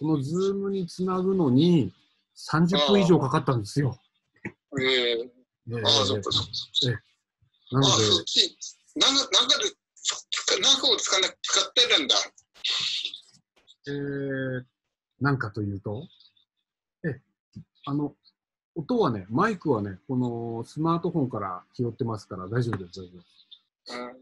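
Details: Aphasia of several years' duration, man, recovering, speaking in an online video-call group session for people with aphasia.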